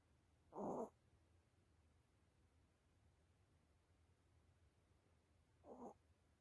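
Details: A sleeping pet cat snoring: two soft snoring breaths about five seconds apart, with quiet room noise between.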